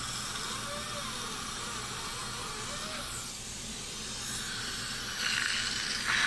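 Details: Steady, loud airy hiss of dental high-volume evacuation (HVE) suction running continuously through an M7 HVE suction mirror with a 360° swivel, during a product demonstration; faint music in the background.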